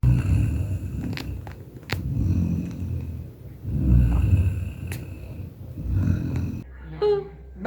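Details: Snoring likened to Peppa Pig: low, grunting, piglike snoring rumbles recurring every couple of seconds, with faint clicks and room noise.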